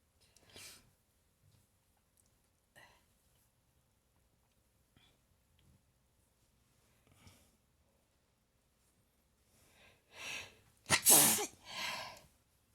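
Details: Prolonged sneezing fit after waking up: soft sniffs and breathy catches ending in three quick sneezes, the middle one loudest.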